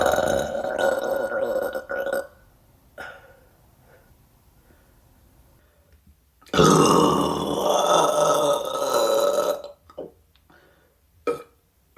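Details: Woman burping: two long, loud, drawn-out belches separated by quiet, with a few short gulping sounds after.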